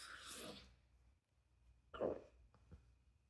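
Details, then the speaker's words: Adult with a hiccup spell during a ten-minute recording, triggered by forcing a burp after two or three drinks, while sitting and talking; two or three short, abrupt inspiratory throat catches after a breathy sound. "I think it was just me trying to force out a burp and it just triggered those hiccups that we love so much"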